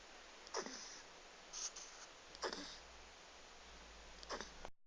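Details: Beagle puppy with hiccups: four brief, sharp, jerky bursts, about 30 a minute, fairly irregular, over steady room hiss.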